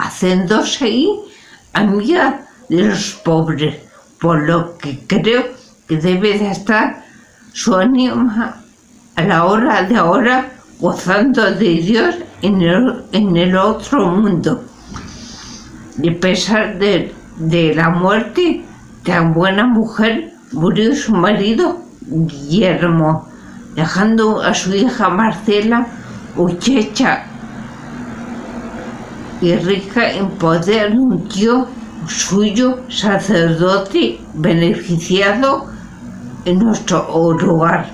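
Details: Spanish-speaking adult with aphasia, a member of an aphasia support association, reading a literary text aloud in Spanish in a prerecorded reading; aphasia.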